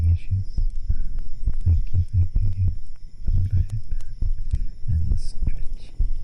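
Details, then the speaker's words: Adult's own heartbeat recorded with a microphone held against the chest during an ASMR session: deep, regular paired thumps, with muffled chest-resonant voice over them; normal heart sounds. "I wanna do some heartbeats for a little bit. I think it would be nice. You guys can hear the heartbeat."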